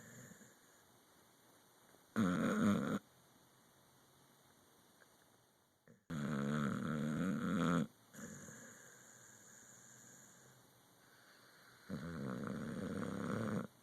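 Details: Pit bull asleep, snoring and dreaming: three loud snoring breaths at uneven intervals over steady background hiss, irregular snoring during sleep.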